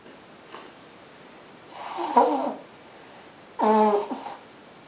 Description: me and my Girlfriend sneezing again, and blowing the Nose